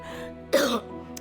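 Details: Woman, former pediatric intensive care nurse, with refractory chronic cough lasting over eight weeks despite treatment, vocal cord paralyzed from coughing: a single short, harsh cough over soft music; chronic cough.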